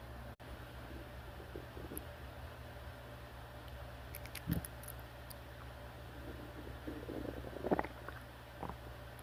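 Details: A few faint gurgles and squeaky rumbles over a steady low room hum: ordinary stomach growling.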